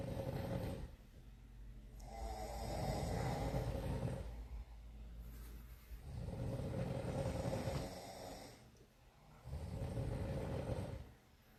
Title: When the night shift turns into a snoring contest 😂